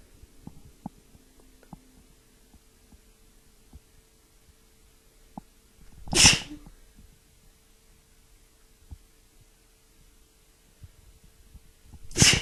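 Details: Woman with a bad tickly cold sneezing: two sharp, explosive sneezes about six seconds apart, with quiet breathing and faint room hum between.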